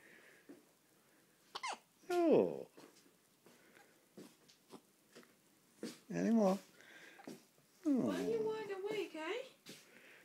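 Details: Hiccups in a 6-day-old newborn waking after sleeping most of the day: brief sharp hiccup clicks recurring irregularly, mixed with soft grunts and short whimpering cries in a quiet room.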